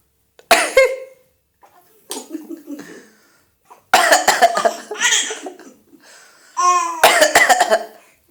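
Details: Adult deliberately coughs in three bouts of short, sharp coughs, each answered by a baby's bright giggles and squeals.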